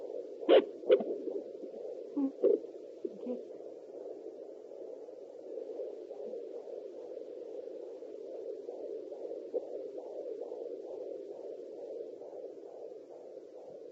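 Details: Handheld pocket fetal Doppler with a 3 MHz probe, used at home with gel by an expectant mother in her third pregnancy: rapid rhythmic whooshing pulses, roughly 160 a minute; fetal heartbeat on Doppler.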